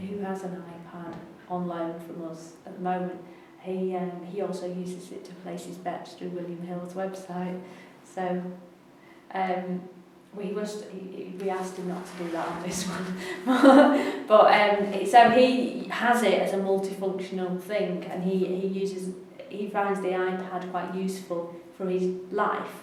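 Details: Adult woman speaking; ordinary speech.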